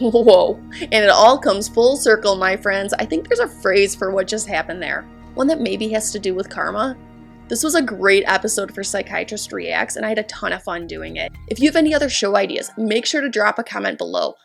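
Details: Adult speaker; ordinary speech.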